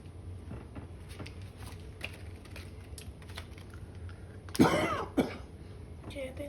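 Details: Two abrupt coughs in a quiet room with faint tapping, from a person coughing after heavy dust exposure: cough from dust irritation.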